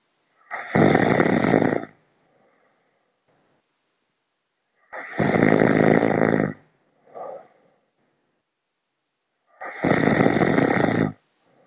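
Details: Snoring during sleep, which the sleeper's partner described as loud the next morning: three loud, rough snores about five seconds apart, with a small snort between two of them and silence otherwise; heavy snoring.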